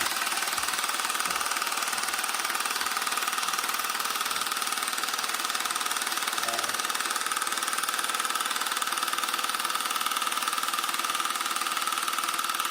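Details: Handheld low-intensity shockwave device for erectile dysfunction, self-applied, with rapid steady mechanical tapping of about 194 pulses a minute over a constant buzz; user reports no pain.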